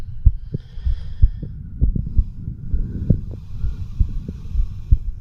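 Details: Self-recorded heartbeat of a 36-year-old male through a homemade microphone stethoscope over the mitral (left ventricle) area: low thumping at about 60 a minute under steady hum and handling noise; normal heart sounds.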